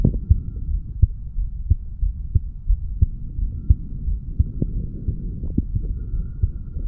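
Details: A 35-year-old male's heartbeat recorded at the mitral area after weight training: steady, low thumping at about 88 beats a minute over a soft hum.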